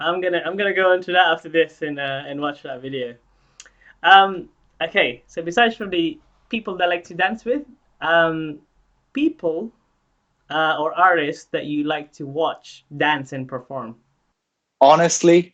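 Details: Adult speaker; typical speech.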